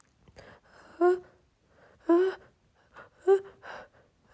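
Three quick voiced inhaling gasps, each followed by a short burst, about a second apart: rapid repeated sneezes.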